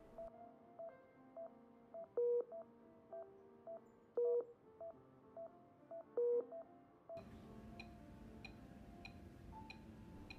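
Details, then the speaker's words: Simulation-training Philips HeartStart XL+ defibrillator/monitor: regular short beeps, roughly 110 a minute, each linked to the ECG rhythm, monitor beeping synchronized to heartbeat. "for instance in this philip heart start xl plus defibrillator and monitor the piping is linked to ecg rhythm"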